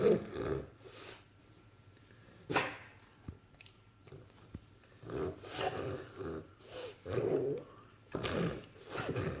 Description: This is what is called "reversed sneezing"....